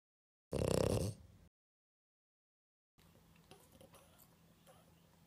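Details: A sleeping female French Bulldog gives one loud, rough, low snorting snore, then quiet breathing; snoring.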